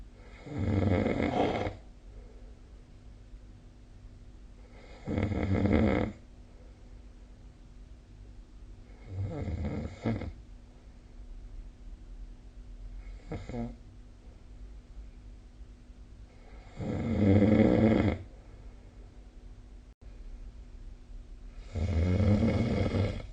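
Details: Snoring during sleep recorded with the SnoreLab app: loud rumbling snores recurring about every four to five seconds, with quiet breathing between.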